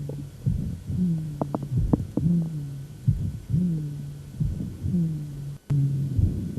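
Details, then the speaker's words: Everted bioprosthetic valve cusp: loud, cooing, musical diastolic murmur peaking at the second heart sound then decrescendo, heard all over the chest with bony radiation and even at the top of the head; prosthetic strut vibration audible. "and it's so loud you can really hear the the vibration of the struts on these valves it really transmits very well it's so loud that you can hear it even at the top of his head"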